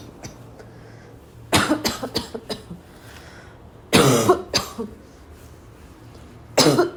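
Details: Adult barking cough: repeated harsh, dry coughs in three bouts, about five, then three, then one.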